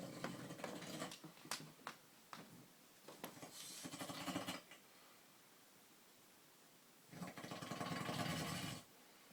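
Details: Adult father heard through a room from downstairs: two long, rough rumbling breaths separated by a quiet pause, after irregular clicks and shuffling; snoring.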